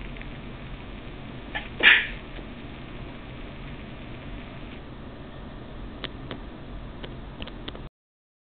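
A single sharp sneeze burst stands out against steady background noise, followed by faint clicks.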